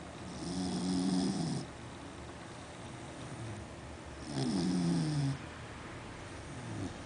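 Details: Sleeping female Beagle snoring loudly: two loud, low, rumbling snores on the in-breath about four seconds apart, with quiet breathing between; she sometimes snores loud enough to wake herself.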